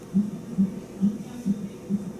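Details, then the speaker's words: Fetal heartbeat of a baby girl at 40 weeks + 4 days pregnancy during a hospital non-stress test: rapid, regular whooshing thumps on the monitor, about 135 beats a minute, with little pulse variation. "Yeah, I just think it's nice to hear her heartbeat. I love I just love hearing that sound."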